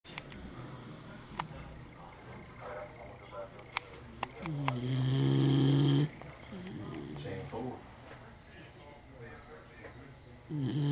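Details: Snoring recorded 5/9/11: low, droning snores of varying length, one long and loud, with soft room sounds between.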